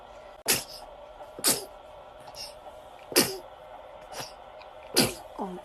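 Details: Baby sneezing in bright light on waking: five small, sharp sneezes in quick succession, each a brief burst of air, faint infant whimper at the end. Sneezing.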